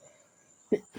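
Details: Cough from a person whose voice has changed because of coughing.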